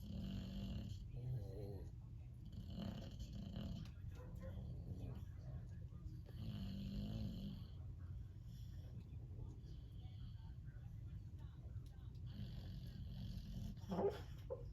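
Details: A Boxer dog snoring: low, rumbling snores recurring every few seconds, partly masked by steady room noise.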